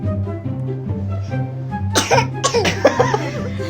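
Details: A young child coughs a few short, light coughs over steady background music while she has a cough.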